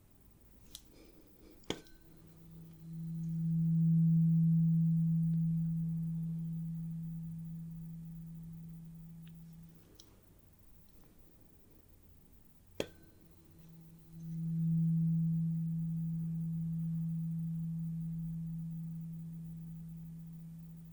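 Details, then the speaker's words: Hearing test with a low 128 Hz tuning fork in a simulated (roleplay) medical exam: two soft, steady low hums from the struck fork, each fading slowly over several seconds. "I have a few tuning Forks here we have a very low one this is 128 Hertz and you may or may not be able to hear it"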